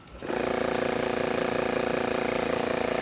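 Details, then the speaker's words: Portable oral suction machine being switched on: the motor starts and settles into a loud, steady buzzing hum with a fast pulsing rhythm. "so i'm going to turn this on they're kind of noisy"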